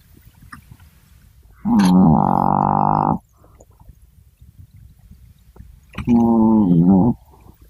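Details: Sleeping Chihuahua snoring: two loud, drawn-out, buzzing tonal snores with quiet gaps between, surprisingly deep and loud for such a tiny dog.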